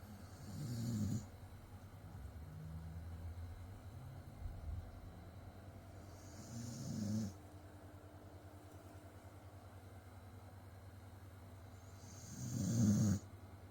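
Three low, fluttering snores about six seconds apart, each with a soft hiss, over steady background hum; snoring at about ten breaths a minute.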